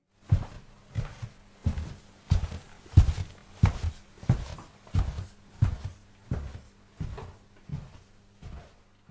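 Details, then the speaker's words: Demonstration of normal hearing in both ears, contrasted with unilateral hearing loss: steady footsteps, about 90 a minute, walking right to left, whose direction is easy to follow. "With good hearing in both ears it's easy to tell whether sounds are coming from your left side, or your right side. For example, listen to these footsteps with normal hearing."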